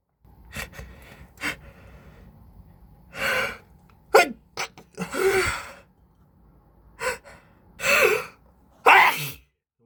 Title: Allergy sneezing with intense build ups.